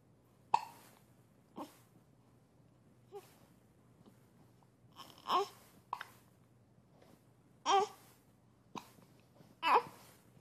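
Short, sharp vocal catches repeating irregularly, about 8 in ten seconds, some with a brief voiced whimper; hiccups in a quiet room.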